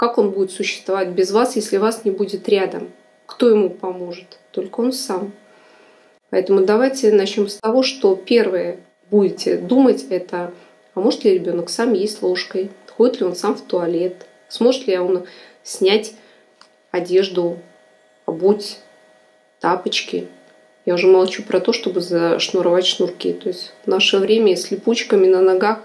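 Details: Adult woman speaking Russian; ordinary speech.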